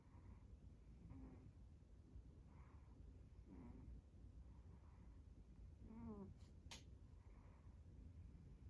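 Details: Cat snoring while taking a nap.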